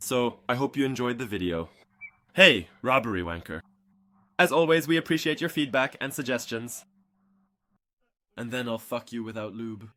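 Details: Vocal tics with coprolalia in a young adult man with Tourette syndrome, who also has slight facial motor tics.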